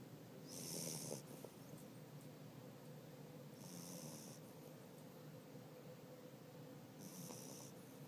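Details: Soft, hissing snores about every three seconds over a steady background hum, recorded 2013; snoring.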